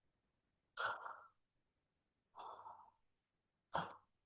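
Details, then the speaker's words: Simulated sleep apnea arousal: imitated choked, faint breaths with silent pauses, then a sudden loud gasp, as a partner witnesses breathing stop and the patient jerks awake; obstructive sleep apnea choking/gasping. "partner will tell husband or wife will tell that while sleeping he is getting choking of that breath breath is getting stopped like"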